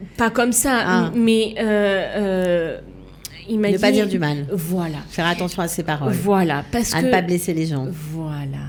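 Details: Adult woman speaking French; normal speech.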